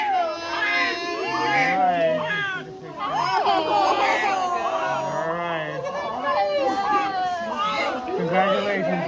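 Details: Strong, repeated wailing cries of a newborn boy just after delivery, with room talk and music behind; the mother had eclampsia with seizures during labor and was treated with magnesium.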